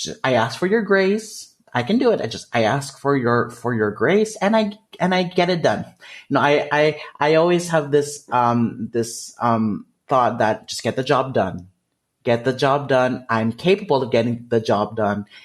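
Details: Developmental stuttering, which he calls a speech disfluency, in an adult man.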